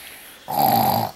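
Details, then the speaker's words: Boy pretending to be asleep starts snoring, possibly deliberately; one loud, vibrating snore on a breath in, described as snoring loudly. "só tá pior que você que coisa tá pior que você que mãe dele Caramba como tá roncando alto caramba"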